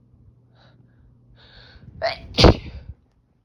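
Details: Adult with itchy, tickly nose and watery eyes during a small sneezing fit, a cat meowing nearby: quick breathy inhalations building up, then a forceful explosive sneeze, one of a run of repeated sneezes.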